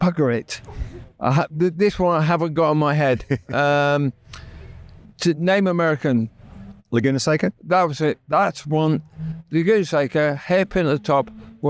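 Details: Adult man with persistent aphasia after a near-fatal stroke that paralysed his right side; he had to relearn speech, left hospital able to say only three words, and still knows what he wants to say but words come out differently.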